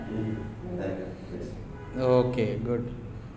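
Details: Adult male speaker; Normal-pitched male voice after puberphonia therapy.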